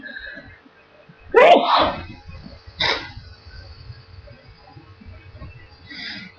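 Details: Two sneezes, a loud one then a shorter one, followed by a soft nose blow, recorded over steady background noise; ordinary sneezing.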